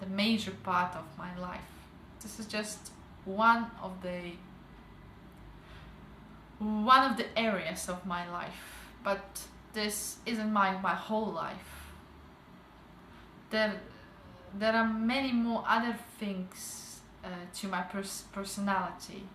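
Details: 28-year-old woman with stuttering since age 12, treated with the McGuire programme, with some residual repetitions remaining.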